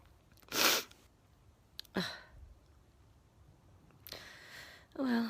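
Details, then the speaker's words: Sneezing fit in a sniffly person after trying a tissue: two sharp, explosive sneezes followed by sniffing and a short vocal sound, then nose blowing ending the fit; still sniffly afterward. "i blew my nose and the sneeze is finished love you all bye"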